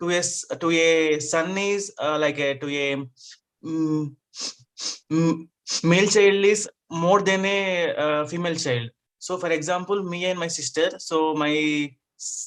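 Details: Adult male with stuttering since childhood, had therapy in 2010, still working to overcome his stammering; stuttering.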